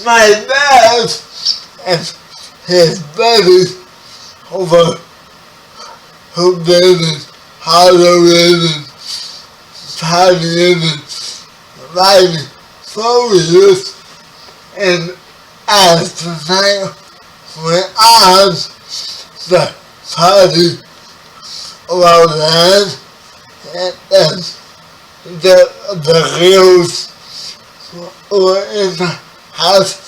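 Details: 30-year-old man with spastic quadriplegic cerebral palsy, born 11 weeks premature; spastic dysarthria (cerebral palsy).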